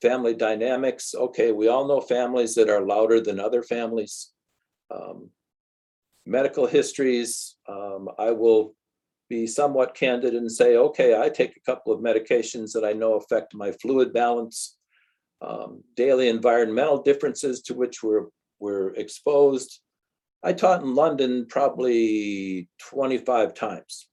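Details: Adult speaker, lecture; typical speech.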